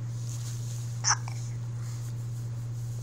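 A single short, sharp hiccup over steady low mains hum; an involuntary catch of breath.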